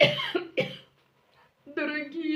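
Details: Adult with a hoarse voice, sick and having coughing attacks at night that wake her: two harsh, abrupt barking coughs followed by a rough voiced sound.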